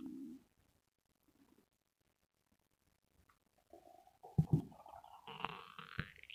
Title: Stomach growling sounds #2